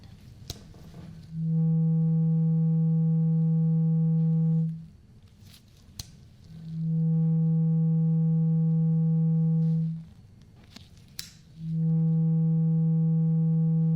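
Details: Simulated ASMR annual-exam roleplay hearing test: tuning fork sounded, listener asked which side, left or right, and when sound stops; three sustained even tones separated by quiet pauses.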